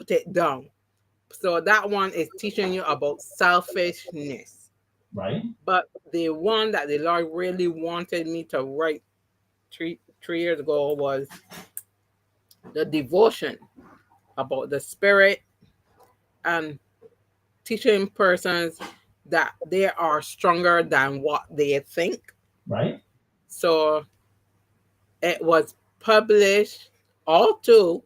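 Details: Adult woman after three strokes (2017, 2018, 2019), the first haemorrhagic, causing loss of speech and right-sided paralysis; speech regained, some words never returned; mild residual aphasia after stroke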